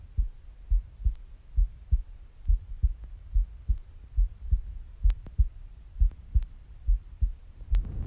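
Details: Adult female heartbeat: steady, regular, soft double-beat low thumps at about 69 beats a minute; normal heartbeat.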